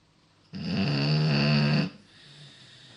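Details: A sleeping Beagle snoring really loud: one loud, droning, rattly snore lasting over a second, then quiet breathing; heavy snoring.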